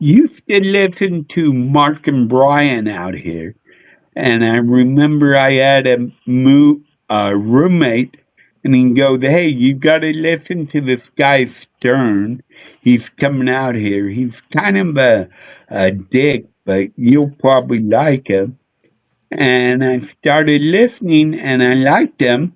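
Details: Adult male comedian with a neurological problem; MRI showed part of the back of the brain underdeveloped; childhood car-accident head injury with brief hospitalization; seen by a neurologist; real condition; slurred speech, often mistaken for drunkenness (possible dysarthria).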